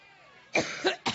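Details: A woman coughing during a Labor Day campaign speech in Cleveland, Ohio, after joking that thinking about Trump makes her allergic: two or three short, harsh cough bursts after a quiet moment, with room noise.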